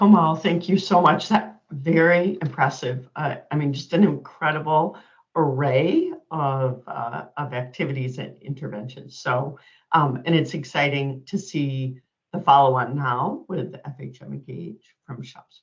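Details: Adult speaker; normal voice.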